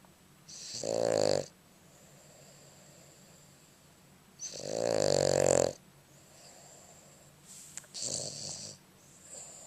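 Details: Boston Terrier asleep, recorded with a Flip Video camera: loud, rattly, buzzing snores on each breath a few seconds apart with softer snuffling between; snoring in a flat-faced dog.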